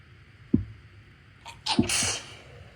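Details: Two induced sneezes from a person with a cold and a tickle in the left nostril, each a sharp inhaled catch followed by a forceful explosive burst.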